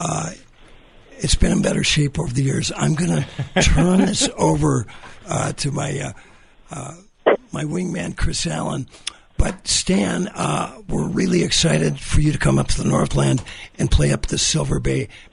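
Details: Adult male with dysphonia after recently losing a vocal cord; the loss was not caused by his polio in 1948, and he previously sang.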